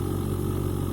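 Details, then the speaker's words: Steady, low, engine-like motor hum of a BPL Oxy 5 Neo oxygen concentrator running, flow adjustable 0.5–5 L/min, humidifier bottle bubbling to show oxygen output; demonstration. "This one is humidifier bottle. Bubble shows that it is producing oxygen."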